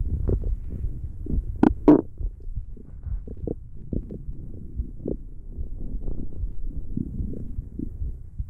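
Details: ASMR recording of stomach growling: low gurgles and rumbling pops from the belly; ordinary borborygmi from gut movement.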